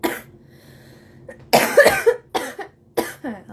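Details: A short run of harsh, forceful coughs from an adult, with faint music in a small room, in a recording that also features smoking: cough.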